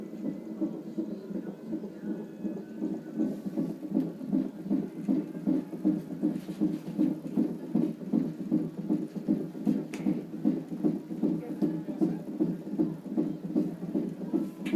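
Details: Fast, regular whooshing pulses, about 158 a minute, over doppler hiss, recorded at probably about 37 weeks of pregnancy while the fetus had hiccups; fetal heartbeat.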